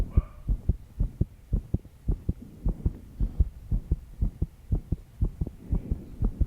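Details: 22-year-old female, stressed after an all-nighter of work, with background noise: fast heartbeat (tachycardia).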